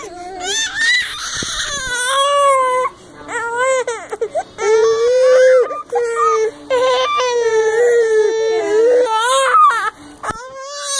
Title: Twin babies crying